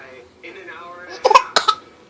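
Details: Voluntary cough from a 5-month-old infant who likes hearing himself cough: a soft voiced fuss, then two short, sharp coughs.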